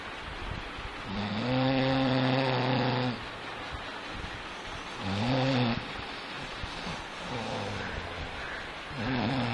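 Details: Deep, buzzing, rumbling snores on inhalation, about three in under ten seconds, with quiet gaps between them; loud deep snoring.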